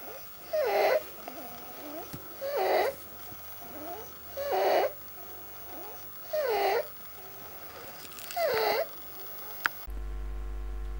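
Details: Stridor, a loud, noisy, whistling breath sound that can be inspiratory or expiratory, heard on lung auscultation; known as "children's snoring".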